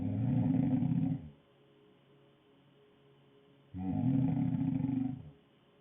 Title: Snoring girl